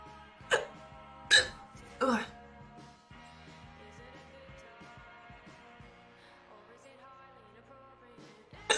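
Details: Streamer with hiccups after eating too fast, saying it feels sore: three sharp, abrupt hiccups about a second apart, then quiet, with background music throughout.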